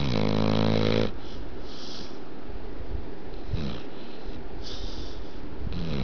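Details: Snoring from a sleeping Pit Bull dog named Ginger.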